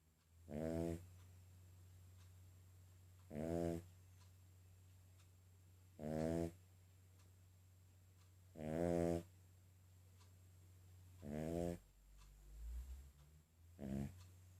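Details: Regular, loud, buzzing snores from a sleeping King Charles spaniel, about every 2.5 seconds (roughly 22 a minute), over a steady low room hum; snoring.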